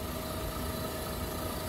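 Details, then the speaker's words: Suction therapy machine running with tubing connected and free air flowing: steady motor drone with a constant hum. "would have to turn on your machine once your machine is operable if your tubing is connected and there is free air flowing through the tubing any type of adjustments made to your pressure control knob will not have a great direct impact on the pressure itself and how it increases or decreases"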